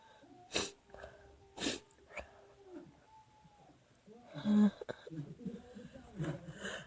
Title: Literally sneezing like crazy